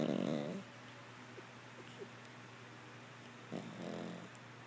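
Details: Chloe, a flat-faced Pug, passed out asleep, snores with low, rattling, fluttering sounds about every three and a half seconds, with faint snorts between.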